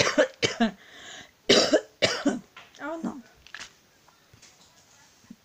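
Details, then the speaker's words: Pregnant adult woman, ill with a very sore throat and losing her voice, has a coughing fit: a run of harsh, wet coughs and throat clearing with hoarse voice between bursts. "Excusez-moi, je viens d'avoir une quinte de toux avec plus de voix du tout."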